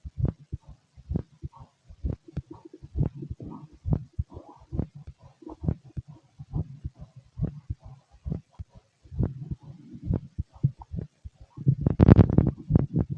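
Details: Fit adult male heard through a stethoscope: regular low thumps at about 75 beats a minute, louder rustle near the end; normal heart sounds.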